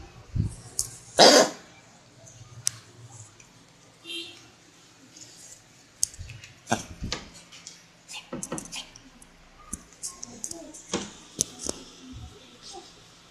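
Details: Kennel cough in a dog: harsh, honking coughs and throat-clearing retches.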